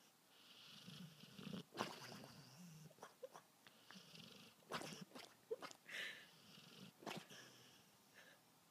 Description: This cute dog has some allergies that cause him to snore.